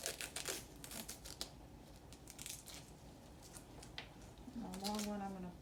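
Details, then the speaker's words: Tape torn and snipped in a quiet room as a seventh-semester nursing student prepares tape, split down the middle, to mark a nasogastric (NG) tube before insertion, choosing the patient's right side. "going to open my tube first i'm going to get my tape ready"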